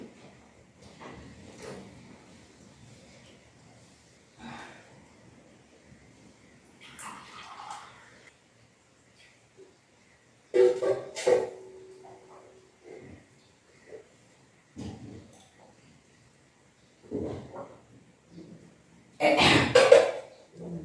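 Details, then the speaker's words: Kunjal kriya (vaman dhauti) yogic cleansing, done for gas, acidity, constipation and cough: after drinking water, repeated gagging and retching with gurgling bursts and splashing water between quiet breaths; self-induced vomiting. "तो पानी पीने के बाद थोड़ा वक्त कीजिए और इसको सर्व करेंगे तो आपको उल्टी ऑटोमेटिकली आ जाएगा"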